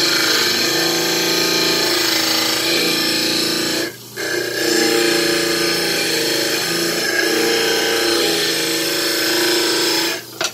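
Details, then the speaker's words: Dental lab model trimmer: loud steady grinding of the wheel against a stone cast while rocking it back and forth to trim the side, with brief pauses as the cast is lifted off. "I'm rocking back and forth because it's easier than just trying to take off so much in one shot. So if I go back and forth, it works good."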